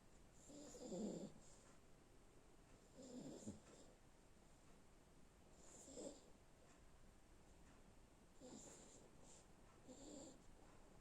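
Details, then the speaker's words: Sleeping Yorkshire terrier, dreaming in deep afternoon nap: soft, irregular snorting breaths every two to three seconds with faint whimper-like sounds; snoring. "hey you were dreaming and snoring coco were you having a funny dream were you you having a funny dream you were snoring yeah you were you're a funny girl you were having a dream"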